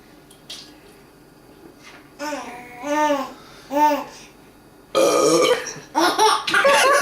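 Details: Baby who finds gassy burps hilarious and now anticipates them: soft baby vocal sounds and squeals followed by loud rough burp-like bursts; infant burping.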